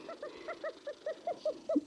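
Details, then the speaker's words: Pet female rat with long-term respiratory problems, back on antibiotics: rapid, regular squeaky chirps with each quick breath, wheezing quite badly. "She's had long-term respiratory problems and she's back on antibiotics this week. She's wheezing quite badly, aren't you, darling? But that's the sort of noise that you don't really want to hear on your rats."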